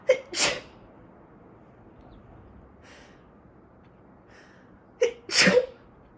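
Two forceful sneezes, each with a sharp in-breath then an explosive burst, about five seconds apart, part of an allergy sneezing fit.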